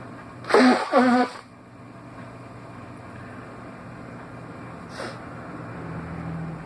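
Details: Two quick, loud, voiced sneezes back to back on waking, then a softer sound later over steady room hum; sneezing.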